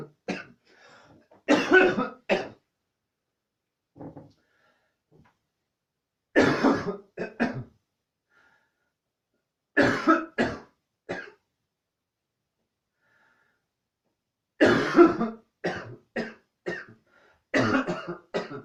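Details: Repeated clusters of harsh coughs, several bursts each, separated by pauses: a prolonged coughing fit.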